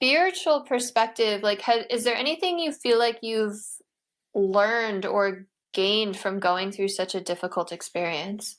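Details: Adult woman speaking; normal speech.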